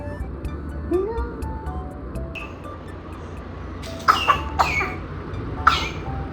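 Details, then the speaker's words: Four or five short, sharp coughs from a baby girl with cough, blocked nose and earlier suspected fever, needing cough medicine, over steady room hum with a few faint tones earlier. "And कफ जरूर है क्योंकि वो सुनाई दे रहा है मुझे। उसको उसकी खांसी वाली दवाई देनी पड़ेगी।"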